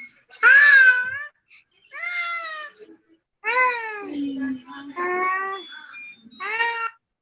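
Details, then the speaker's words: Repeated rough, hoarse cry bursts from a two-year-old child in eastern India who cannot speak or stand, with a thickened protruding tongue and coarse dry skin; the hoarse cry, unusual at this age, of congenital hypothyroidism. "even though it's a baby it's a very hoarse cry which would be unusual for someone this age to have a voice that sounded like that"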